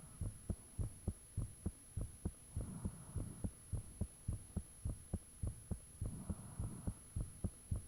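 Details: Recording of one's own heartbeat with the fan off, made shortly after the heart began feeling unusually thumpy: loud steady thumps at about 100 bpm, soft whooshing between some beats, background hum; valve sounds reportedly audible.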